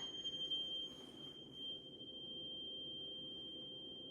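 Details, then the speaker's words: Steady, pure ringing tone of a struck tuning fork placed on the mastoid bone behind the ear for the Rinne test in a patient with a negative whisper test; he reports when he can no longer hear it. "For Rene test, we're gonna again produce a sound in the tuning fork, or we're gonna put that on the mastoid bone on both ears, behind the on the mastoid bone on both ears."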